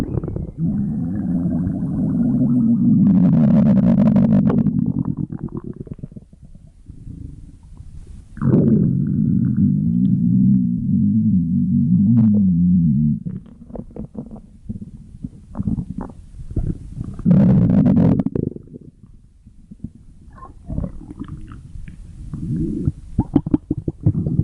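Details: Loud, low gurgling rumbles from the abdomen as gas and fluid move through the gut: stomach growling (borborygmi).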